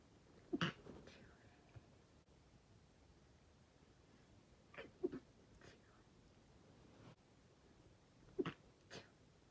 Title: Strong sneezes I tried to keep quiet